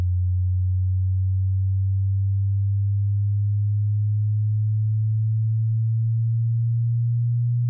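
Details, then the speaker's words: Tinnitus pitch-matching frequency sweep for headphones or speakers in a quiet room: a steady, very low pure hum with small pitch steps, at the low end of the sweep. "Mettez-vous dans une pièce calme avec vos écouteurs, ou alternativement, avec un ensemble d'enceintes décent, et écoutez le point auquel vous sentez que vos acouphènes correspondent aux tonalités que je suis sur le point de jouer."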